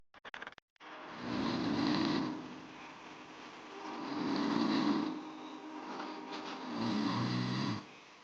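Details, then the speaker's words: Three loud, low, rattling snores on inhaled breaths, roughly every 2.5 seconds, with quieter breathing between: snoring during sleep. "anda pernah mendengar kalau mendengkur atau ngorok saat tidur dikaitkan dengan kondisi seseorang yang lelah akibat seharian beraktivitas"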